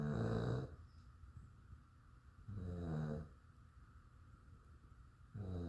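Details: A sleeping dog snoring: regular low rattling snores on each breath, about 23 a minute, with quiet pauses between them.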